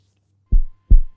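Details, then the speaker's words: Heartbeat sound effect in a Class 7 science animation of a boy listening to his friend's heartbeat: one heartbeat of two deep lub-dub thumps over a low hum. "is Zack doing he is listening to his friend's heartbeat you can feel the a heartbeat"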